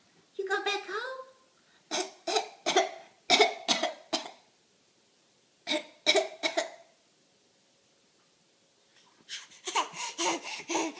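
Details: Bad cough: a brief voiced sound, then repeated bursts of harsh, dry-sounding coughing in clusters with pauses between them, a coughing fit.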